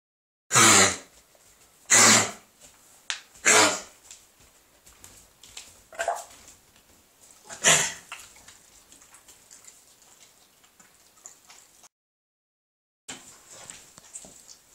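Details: Pet named Ollie coughing: four short, harsh, explosive coughs with quiet pauses and soft sniffing in a small room.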